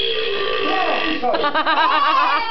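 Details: RoboSapien toy robot, a Christmas gift, making a long, wavering, croaky electronic belch-like sound, an imitation burp rather than a real one.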